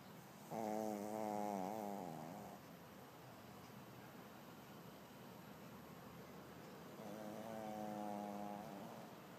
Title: Snoring Guplet